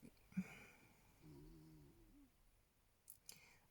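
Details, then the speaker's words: Soft, low, rough snoring from a small adopted dog asleep on the bed, heard faintly in a quiet room. "i do apologize if you can hear snoring in the background that is my little adoptive doggo that's stopping over with me tonight he's snoring on the bed"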